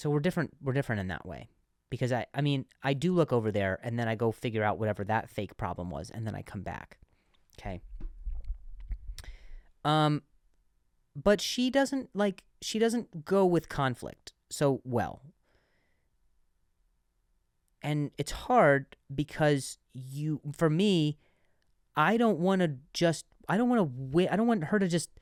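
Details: Adult male comedian who stutters and says he sometimes switches words after stuttering; word repetitions; stuttering.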